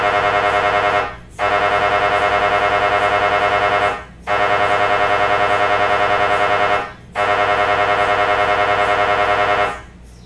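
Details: Loud, steady buzzing drone in blocks of about three seconds with brief gaps, from an MRI scanner running a sequence.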